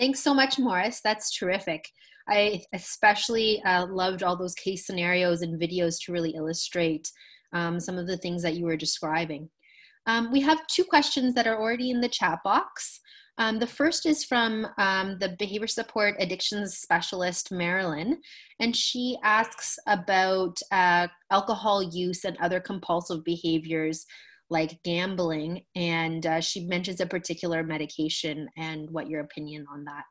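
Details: Adult woman; normal speech.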